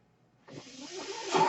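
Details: Man's own mechanical ventilator, heard while he records a podcast: after a brief quiet moment, a rising airy hiss as the ventilator delivers a breath.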